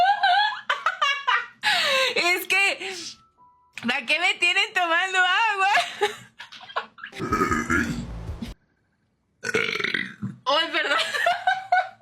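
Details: Several loud, drawn-out voiced belches with gulping sounds and brief pauses, from a young Mexican woman who says she has just eaten; repeated burping.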